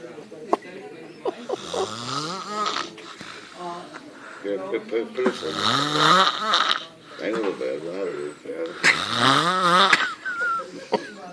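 Loud, rough snores in long drawn-out breaths with vibrating, rattling sounds and gurgling in between; heavy snoring.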